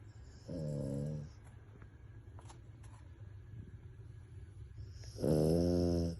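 Two deep, rattling, voiced snores on the breath about four seconds apart, with soft breathing noise between; a dog snoring.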